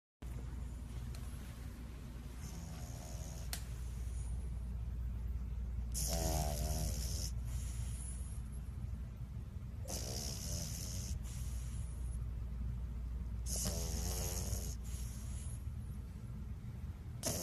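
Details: Sleeping bulldog snoring like a human: rattling, snorting snores about every four seconds over a steady low hum.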